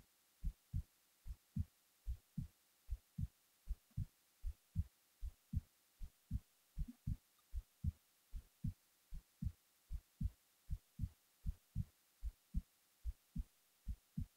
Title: hb while falling asleep